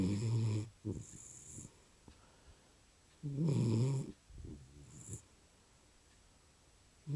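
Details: Sleeping dog snoring loudly: two rumbling snores on the in-breath with softer snuffling out-breaths between.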